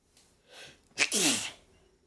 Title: Sneezing and blowing nose